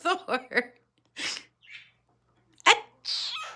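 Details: Cockatiel fake-sneezing: short bird chirps, then several brief hissing bursts like small sneezes; a parrot imitating sneezing.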